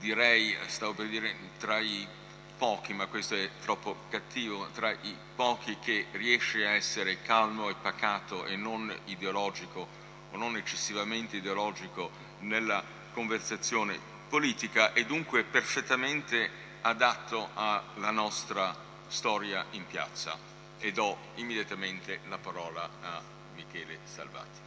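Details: Adult man speaking Italian; Normal voice.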